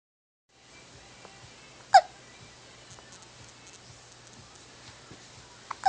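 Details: An infant, with hiccups: a single sharp, brief hiccup in a quiet room, with a second starting at the very end.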